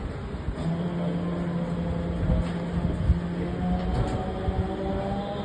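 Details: Acapella vibratory positive expiratory pressure device, used for muscle tension dysphonia and chronic cough (mimicking semi-occluded vocal tract exercise), blown at its low-resistance setting: a steady low buzzing flutter.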